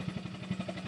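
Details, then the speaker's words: Low, rapid pulsing hum of a high-frequency chest wall oscillation vest, tubing connected to a machine, vibrating the chest to clear mucus in a woman with cystic fibrosis and severely decreased lung function. "So the vest has different pressure frequencies that you do in one sitting. You vary your settings. And then there's different frequencies in which it vibrates."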